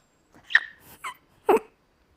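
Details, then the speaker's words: Brief high squeak-like yelp and short wordless bursts from a young woman diagnosed with Tourette syndrome in childhood; involuntary vocal tic. "Tôi không còn có thể đi đến trường, gặp bạn bè hay thậm chí là đi ăn, bởi vì rối loạn tic của tôi sẽ thu hút sự chú ý của mọi người trong căn phòng."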